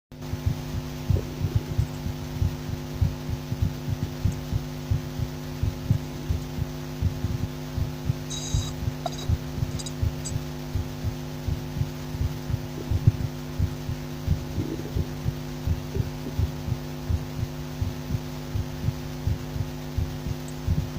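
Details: Steady, regular low heart thumps heard by stethoscope auscultation under a loud continuous electrical hum; normal heart sounds.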